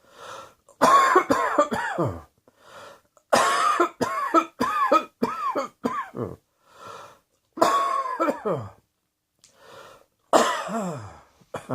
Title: Cross Dressing Coughing 29